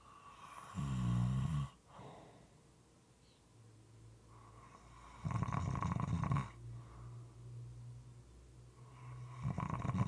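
Deep, rattly snoring at uneven intervals with quieter breathing between, over a steady room hum; moist, irregular snoring.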